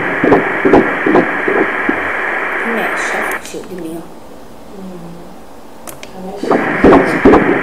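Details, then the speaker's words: Normal fetal heartbeat on Doppler ultrasound at 12 weeks and 3 days: rapid, regular whooshing pulses at 147 beats per minute. "Frequência cardíaca 147 batimentos por minuto, muito bom."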